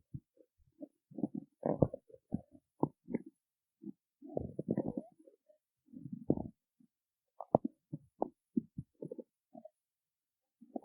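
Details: Irregular gurgling and rumbling bursts from the belly in a quiet room; stomach growling from hunger after not eating before a performance; borborygmi.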